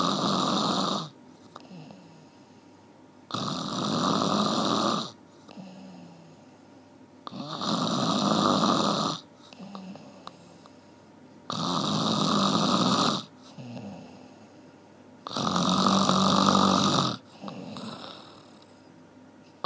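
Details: One-hour snoring recording: loud, rattling snores on each breath in, about 14 a minute, with quiet breaths out between; snoring.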